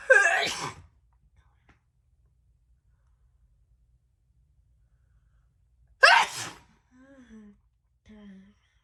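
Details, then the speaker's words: Woman who says she feels unwell that day, sneezing: two sharp, forceful, quick sneezes several seconds apart, the second followed by soft breathy sounds; ordinary sneezing. "well that is it for today i hope you enjoyed those little fast and quick sneezes"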